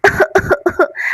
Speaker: Biar tidak ketahuan mama. Aku mau pura-pura batuk.